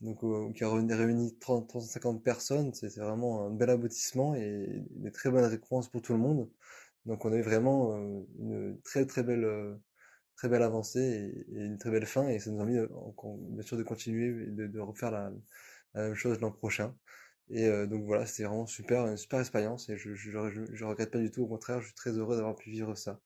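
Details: French-speaking 29-year-old man who has cluttered since adolescence, worsened after a traumatic brain injury and diagnosed by a speech therapist at 27, with very fast, partly unintelligible speech; cluttering.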